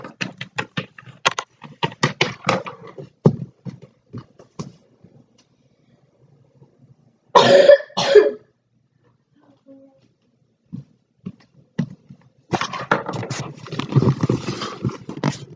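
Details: Two short coughs from a sick child who apologizes for sniffling and coughing, between tapping and rustling of toy play with muffled background voices.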